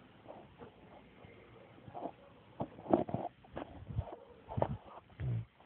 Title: St. Bernard from Poland snore